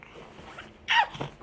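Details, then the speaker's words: 4-month-old baby sneezing: one short, high, sharp sneeze burst, then a soft after-sound in a quiet room. "Hey! Bless you. Bless you."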